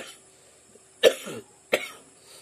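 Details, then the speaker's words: Adult ill for three days with suspected COVID-19 or dengue, with headache, body aches and short breaths: two short, sharp dry coughs about two-thirds of a second apart in a quiet room. "I got this cough you can hear my voice and it makes my head pain and my body aching"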